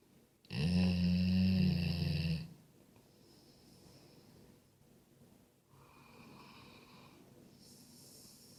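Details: Sleeping Golden Retriever snoring: one deep, loud rumbling snore, then quieter whistling breaths through the nose.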